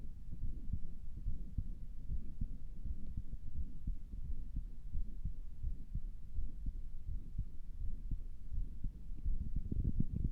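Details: Heart sounds a person recorded through a stethoscope on their own chest because they sounded weird: muffled heartbeat over a steady low rumble, no distinct murmur clearly heard; possible heart murmur.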